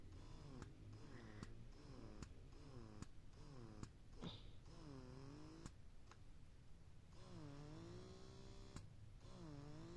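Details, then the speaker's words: Bella Baby wearable breast pump (W38/W42/W40 models compared, rated about 50–55 dB) running: low steady motor hum with rhythmic suction cycles and sharp clicks about once a second. "तो इन सब की ही जो है आवाज़ इसकी जो है वो 55 dB तक जा रही है, इनकी अराउंड 50 dB है।"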